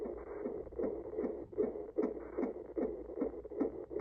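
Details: Fetal heartbeat picked up at home with a fetal Doppler using gel on the pregnant abdomen: fast, regular whooshing pulses, device reading 152 a minute.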